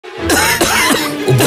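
Three short, dry, acted cough bursts over background music, performed as an itchy, tickly cough.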